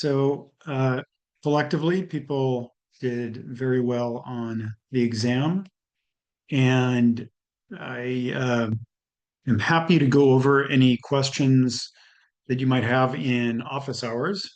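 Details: Adult male speaker; normal speech.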